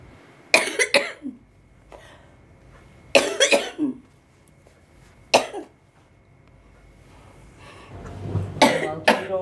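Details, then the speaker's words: Hospital inpatient with cystic fibrosis on nebulizer treatments, coughing a lot overnight and in the morning: several harsh, loose wet-sounding coughs in short bursts with pauses. "just marry was coughing a lot and I was able to eat a little bit of cereal this morning so I'm really trying to like control my cough so I don't lose"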